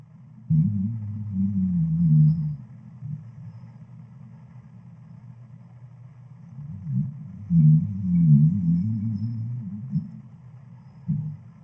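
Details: Dog fast asleep in the living room, snoring until she wakes herself: loud, low, droning snores with an odd trombone-like tone in two long bursts.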